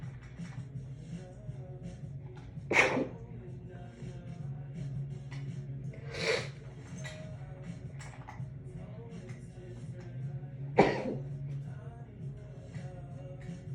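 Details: Sneezing fit after a shower, induced by tickling the nose with a wet strand of hair (perfume occasionally triggers it), muffled with a towel; three muffled sneezes spaced several seconds apart.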